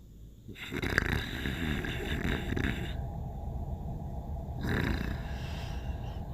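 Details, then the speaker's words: Adult woman asleep at night: low, rattling, coarse, throaty snores on two breaths over steady room noise; snoring. "Oh my god. Look at her. Still snoring away."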